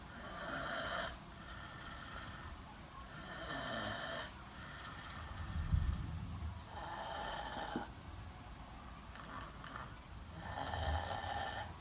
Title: Snoring Grandpa